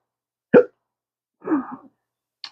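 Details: Adult man with chronic intractable hiccups, not responding to any known treatments: abrupt, short voiced hiccups, one sharp and one drawn out, in a quiet room.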